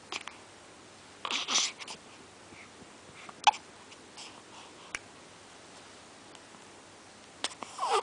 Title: baby got hiccups.